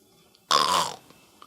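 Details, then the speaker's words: Imitated snoring demonstrating obstructive sleep apnea: airway narrowed by fat is held open awake, but muscles relax in sleep, especially lying on the back, gradually obstructing it and producing snoring. "ત્યારે ઊંઘમાં સ્નાયુઓ શિથિલ થવાને લીધે ધીરે ધીરે ધીરે ધીરે એ શ્વાસ નળીને અવરોધ કરે છે એટલે [નસકોરા બોલાવે છે] નસકોરસનો રિંગ જેને કહેવાય"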